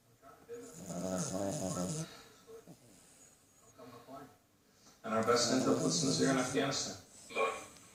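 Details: A pudgy white poodle snoring while asleep on its back, cradled in arms: rapid, fluttering snores in short noisy bursts with brief pauses, with a louder rattling stretch near the end.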